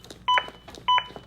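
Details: Two loud, evenly spaced electronic beeps about 0.6 seconds apart from a Zoll AED Plus metronome pacing chest compressions at roughly 100 per minute after a shock was delivered, in a CPR training demonstration.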